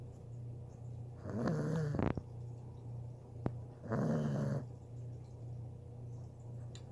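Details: Puppy asleep, snoring really loud: two loud, rattling, slightly whiny snores a few seconds apart over a steady low hum; dog snoring.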